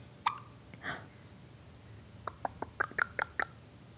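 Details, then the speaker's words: 6-week-old baby girl: several short, sharp, rhythmic little gulping sounds in a quiet room; infant hiccups. "6 weeks old 6 weeks old you still hiccup like a pro"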